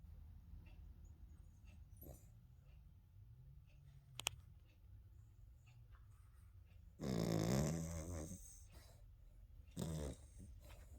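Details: Sleeping dog snoring: low rumbling background with two loud throaty snores, one long and one short, over soft room noise.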